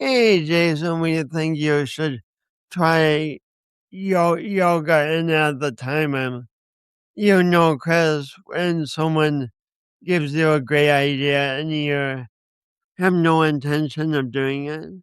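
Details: Speech impediment in a man who also has coordination issues; he says he has not overcome it.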